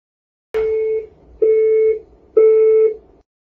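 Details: Three steady, repeated high beeps, about one a second, from a training AED charging after the "defibrillation required" prompt, before the shock button is pressed, in a mixed-reality HoloLens CPR/AED training system used on a physical dummy.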